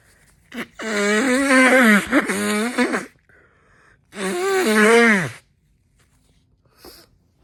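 Two drawn-out, loud voiced bursts with a rising then falling pitch, bracketed by brief sharp puffs of air: a woman sneezing twice.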